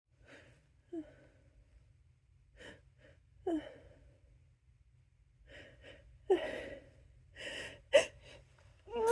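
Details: Repeated sharp indrawn gasps building to soft sneezes during a prolonged sneezing fit, the person apologizing between them, with short breathy vocal sounds, several times over.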